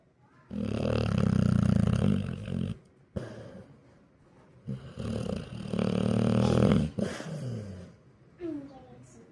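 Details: Loud, long, rumbling, throaty rattling snores from a sleeping male, two drawn-out breaths separated by pauses; loud snoring.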